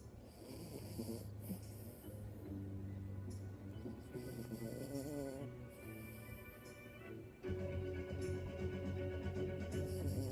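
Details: Chihuahua puppy snoring loudly for a little dog while asleep: soft, low, rattling breathing over background music; later twitches her nose and chomps her teeth.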